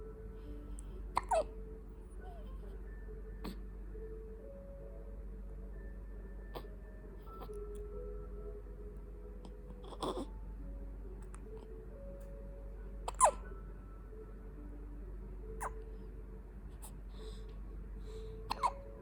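Soft, brief hiccups every few seconds from a young baby, with quiet music in the background; ordinary infant hiccups.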